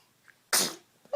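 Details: A baby gives a single short, sharp sneeze: a sudden hissing burst of air that fades within a moment.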